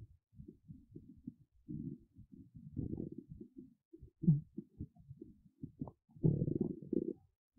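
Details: Woman's stomach rumbling, her belly described as hungry, empty and hollow; borborygmi, bowel sounds.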